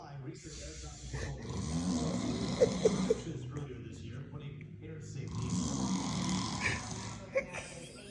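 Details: Loud, rough, rattling snores repeating during an afternoon nap, with faint room sounds; a man's heavy snoring that woke a Pomsky dog; snoring.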